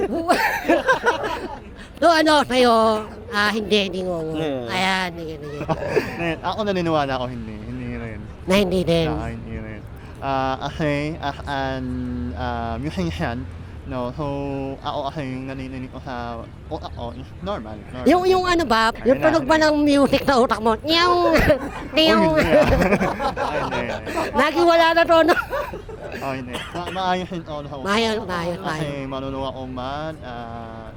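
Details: Young Filipino man, self-described 'ngongo' (nasal-voiced), with palate (ngala-ngala) surgery in childhood and late speech development; hypernasal speech (repaired cleft palate).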